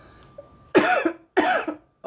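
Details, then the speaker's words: Girl coughing while smoking weed, after inhaling smoke; she notes coughing with her mouth open makes her cough more: two loud, voiced coughs in quick succession, each a harsh burst trailing into a throaty tail. Cough. "yeah I think I do notice coughing with your mouth open makes you cough more"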